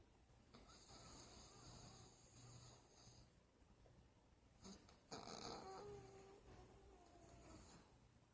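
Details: A sleeping Chihuahua snoring: soft, rhythmic snuffling snore over a steady low room hum, with brief higher snorty sounds partway through.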